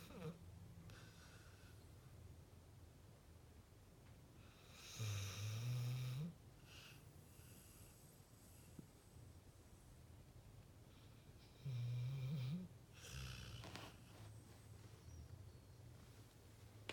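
Two loud, low rattling snores between quieter breaths in a dog asleep.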